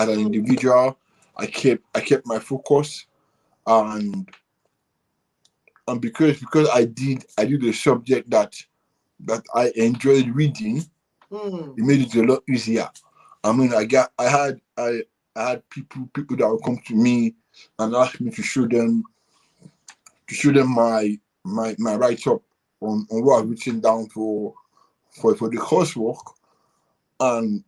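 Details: Dysarthria in an adult man born with cerebral palsy affecting movement and speech, attributed to a high bilirubin level at birth.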